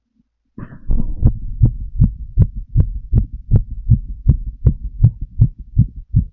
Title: Full female heart auscultation while smoking a cigarette 🚬